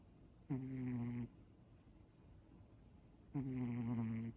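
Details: Ragdoll cat snoring while relaxed at rest: two low, buzzing snores about three seconds apart in a quiet room.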